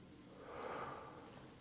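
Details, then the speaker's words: Anterior chest auscultation over the left side with the stethoscope diaphragm during a chest exam: an adult male patient takes one soft deep breath that swells and fades; normal breath sounds. "So I can hear the anterior breath sounds while I'm kind of in front of him I'm going to listen to your left side."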